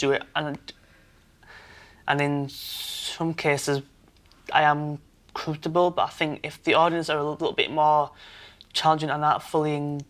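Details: 23-year-old man who has stammered since he learned to talk, with blocks especially on lip-closed p, b and t sounds; stuttering (stammer).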